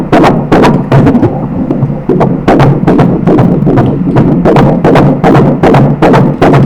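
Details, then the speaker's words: Fetal heartbeat on Doppler during a 14-week ultrasound scan of a male fetus: fast, regular whooshing beats at about 150 per minute, which the examiner says is normal for the baby. "m a frequência cardíaca do bebê tá mais ou menos 150 nossa isso não é alto pra gente é para é normal para ele é normal"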